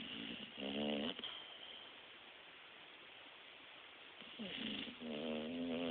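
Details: New bulldog snoring while asleep (also snores awake): loud, buzzy inspiratory snores, a quieter pause, another snore; other dogs audible in background.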